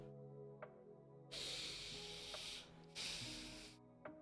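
Two short hissing sprays with a faint pump click, over quiet background music: a nasal spray being used.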